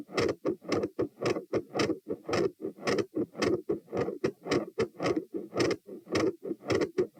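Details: Fast, loud heart sounds at 108–120 bpm recorded at position T with subject standing: harsh murmur around the second sound that gradually changes, plus an intermittent machinery-like murmur.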